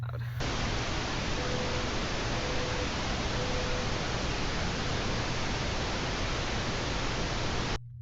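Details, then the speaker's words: Masking noise during the bone conduction part of a professional hearing test in a person with hearing loss: steady loud static hiss with faint brief tones at intervals to respond to. "Then, you do the bone conduction portion, where they play a bunch of different loud static noises, and you once again do the beeps."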